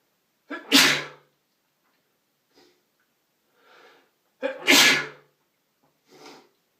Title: Sneezing With Noseblowing (M)